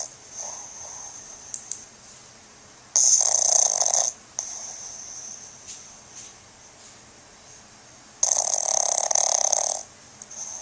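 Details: Two loud, hissing, rattly snores with quieter breathing between, about eleven breaths a minute, from Colbie, a pug, recorded on a Flip Video camcorder; snoring.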